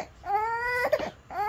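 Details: Three-month-old baby at ear piercing: two bursts of high, tonal crying with a brief sobbing catch between them; distressed infant cry.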